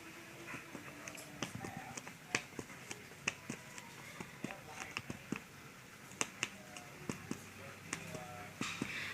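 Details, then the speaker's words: Chest percussion on an adult male patient down the right midclavicular line: resonant (sonor) lung note shifting to liver dullness, marking the lung–liver border at intercostal spaces 5–6. "disini ditemukan adalah garis didapatkan hasil ini adalah batas antara paru-paru dengan organ hepar diantara interkostal 5-6 sejajar dengan garis linear meet klavikula"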